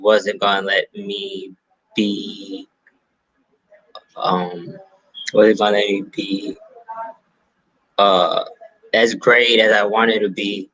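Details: Stuttering in an adult male stand-up comedian who says he has a stutter; real, spontaneous interview speech.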